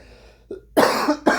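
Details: Two loud harsh cough bursts after a faint throat sound, interrupting speech; lingering cough, described as the last symptom to clear, from a recent illness the person says is not COVID-19; cannot talk for long periods.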